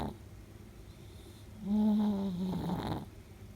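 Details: 10-year-old female Chihuahua–Shih Tzu mix sleeping with her tongue out gives a single deep, rumbling snore on an in-breath, surprisingly low and loud for a small dog; ordinary snoring.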